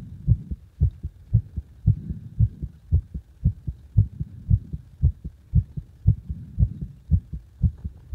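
Strong, regular low thumping heartbeat at about 115 beats a minute, each beat a loud lub followed by a softer dub.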